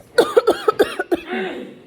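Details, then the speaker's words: Deliberately faked cough by an adult teacher in class as a COVID prank: a quick run of about six short voiced coughs ending in a drawn-out breath. "basically i'm just gonna be coughing and like sneezing and stuff like this and to get their reaction"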